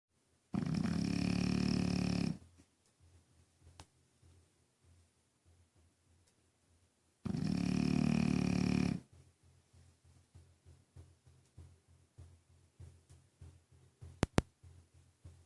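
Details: Snoring: two long, loud, rumbling snores with soft snuffling breaths between them, ordinary snoring.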